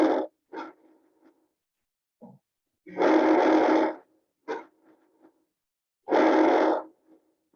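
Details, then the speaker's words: Teaching examples of normal breath sounds: soft airy bronchovesicular, vesicular murmur and bronchial sounds of alternating length, played in sequence. "esos tres que acabamos de escuchar son normales si estos tres sonidos sonido bronco vesicular sonido murmullo de circular y sonido bronquial son sonidos normales"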